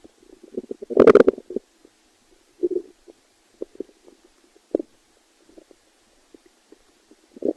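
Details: Stomach growling (borborygmi): irregular low gurgles and bubbling squelches, with one louder rumbling burst early on, in a quiet room.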